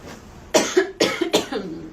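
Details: Girl coughing while talking, saying she needs cough syrup: three quick harsh coughs in a row over faint room noise, an ordinary cough bout.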